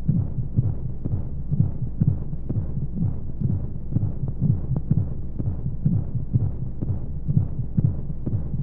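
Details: Womb-sound sleep aid for babies: steady low muffled thumps at about 125 a minute under a soft constant hum of flowing white noise, like a heartbeat heard from inside the womb.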